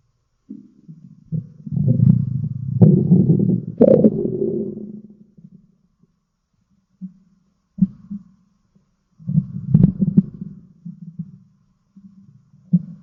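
Low, gurgling rumbles that rise and fade, with quiet pauses in between. Ordinary stomach growling from gas and fluid moving through the gut.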